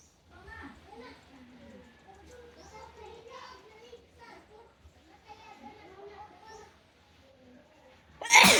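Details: Quiet murmured talk, then a single sudden, loud, hissing sneeze at the end; a tickle-induced sneeze.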